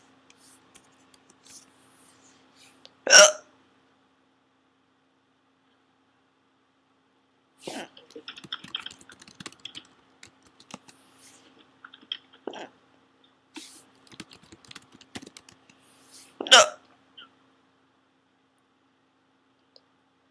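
Two sharp, abrupt hiccups about 13 seconds apart, with keyboard typing and a faint steady hum in between.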